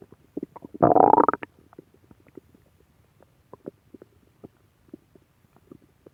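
A loud gurgling, growling burst followed by a run of soft irregular pops and gurgles: normal stomach growling (borborygmi).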